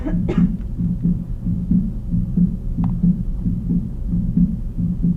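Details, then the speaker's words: Fast, regular heartbeat with a soft, blowing sound after the second heart sound over a faint steady hum; diastolic murmur of aortic regurgitation. "this is more like what I was seeing you to you hear that blowing diol murmur I think you all would know what that was when you put your stethoscope on a patient and you hear this"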